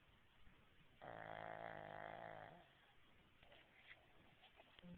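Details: Sleeping dog snoring: one long, loud, buzzing snore lasting about a second and a half, then quieter breathing.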